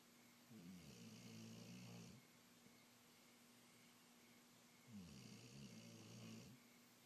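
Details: A dog snoring: two long, low rattling snores about four seconds apart, with quiet breathing between them against a steady room hum.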